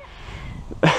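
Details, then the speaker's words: Calf (number 54) with pneumonia and a long-standing cough, runny nose and watery eyes, treated with LA-200 injection: low snuffling breath noise then a single harsh, moist cough. "runny nose watery eyes and a cough so we were thinking initially that he just had a cold and that he would get better but the cough kind of never really went away"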